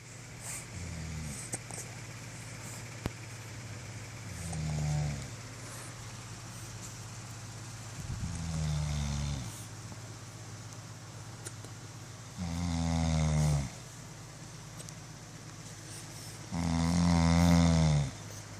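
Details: Father snoring in the morning: deep rumbling snores about every 4 seconds, growing louder, roughly 14 a minute, over steady room hum; loud snoring.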